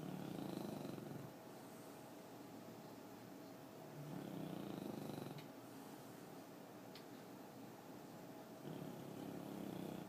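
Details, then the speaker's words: French Bulldog snoring while asleep: soft, low rattling snores on inhalation, about three in ten seconds, in a quiet room. "Yoda, you're snoring. Now you're smiling."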